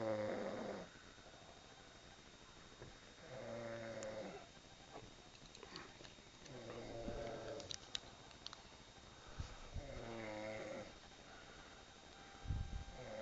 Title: MY SNORING SISTER!